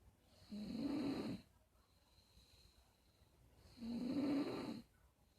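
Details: Snoring: two slow, rough, rattling breaths separated by quiet pauses, about 20 breaths a minute; steady snoring.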